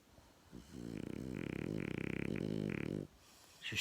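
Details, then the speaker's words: Woman snoring in a quiet room: one loud, rattling, fluttering breath over two seconds, louder than the recorder's own snoring; heavy snoring. "The fuck? She fucking snores louder than me."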